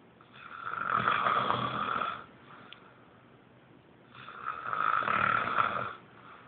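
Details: Steady snoring: two long, loud rasping breaths about four seconds apart, with quiet pauses between them.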